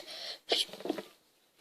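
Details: Single sneeze from a girl in a sneezing compilation: quick hissing intake, then a sharp burst with a short voiced tail.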